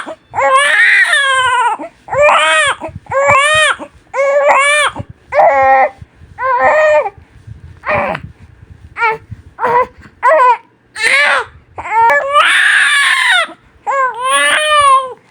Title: Som de bebê chorando | Choro de bebê recém nascido chorando muito #shorts